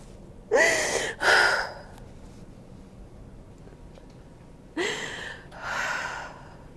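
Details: Two pairs of sharp, noisy breaths in and out a few seconds apart, from a woman lying on her side during hands-on fascia healing with chiropractic adjustment; gasping breaths.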